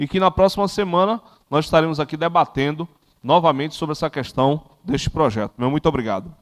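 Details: Adult man speaking Portuguese; normal speech.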